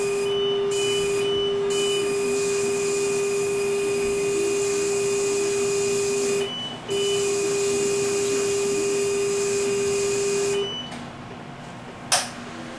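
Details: Non-vacuum phacoemulsification (NVP) used throughout the procedure, case 2: steady high electronic tone with a brief break and small beeps over room hum; phacoemulsification machine running during cataract surgery.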